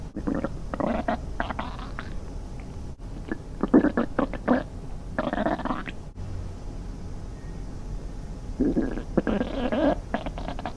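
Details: Stomach growling (borborygmi) from hunger, staged as an imagined scene of a girl in a swimsuit playing in the sea: bursts of low gurgling and bubbling with quiet gaps between.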